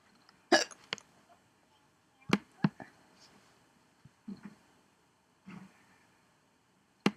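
Short, sharp involuntary gulping sounds, about four clear hiccups with fainter catches between, irregularly spaced; typical hiccups.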